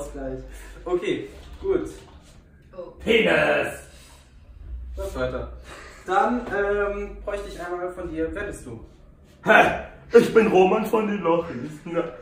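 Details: Adult speakers in conversation; no disorder.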